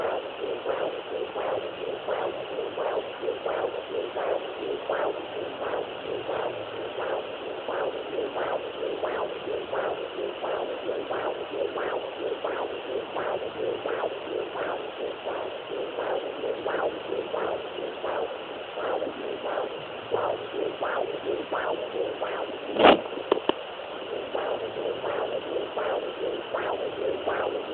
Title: Fetal doppler sounds